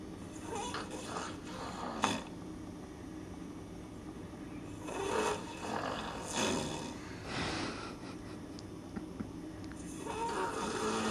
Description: Went to a convention, split a hotel room - and found out my friend snores like something from beyond the realm of reality.